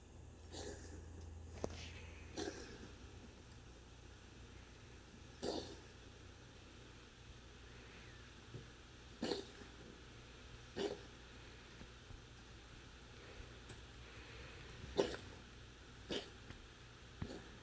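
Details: A dog gives about nine short, sharp coughs, spaced irregularly across the recording.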